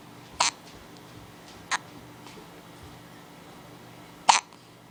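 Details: 4-day-old with hiccups: three brief, sharp hiccup sounds at irregular gaps against quiet room noise.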